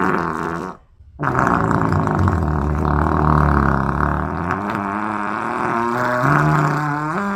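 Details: Long, loud, low-pitched rumbling belches with a bubbly, gurgling quality and a brief pause between them, after vegetables caused a bubbling stomach and frequent farting; burping.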